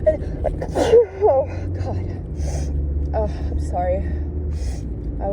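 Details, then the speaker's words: Person stifling sneezes in a car after pulling over while driving: short stifled sneezes with gasping intakes over steady engine rumble. "driving but i couldn't stop sneezing kid had to pull over good sneeze"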